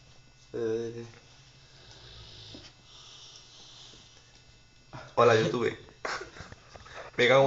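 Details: A sleeping Boxer dog snoring: a loud, coarse snore, then quieter rasping breaths and a few harsh snorting snores.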